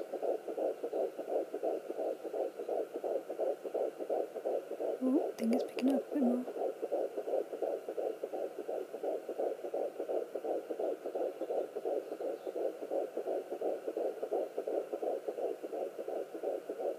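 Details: Fetal heartbeat at 11 weeks pregnant on a Sonoline B fetal Doppler: rapid, regular whooshing pulses, about 170 beats a minute.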